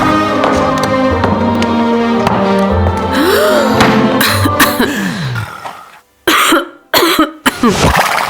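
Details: Simulated cough in a cough-medicine advertisement: music fades out, then an adult gives about three short, forceful cough bursts.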